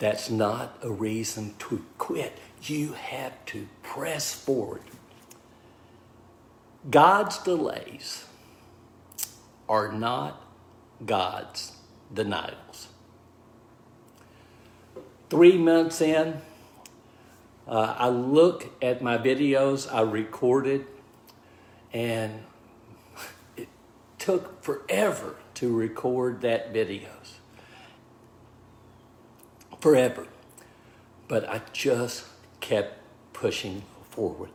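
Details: Man with aphasia after a stroke, diagnosed 26 months earlier at about age 61; initially unable to talk, write or communicate; now relearning speech, reports mixing up words and slowing down to avoid slurring; aphasia.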